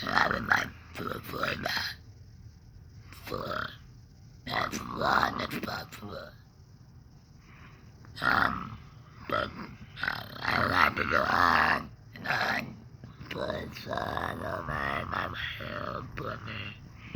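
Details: Adult man after laryngectomy for cancer (tongue cancer per hashtags), breathing through a neck stoma ("neck breather"), reports depression and tongue pain; alaryngeal speech after laryngectomy.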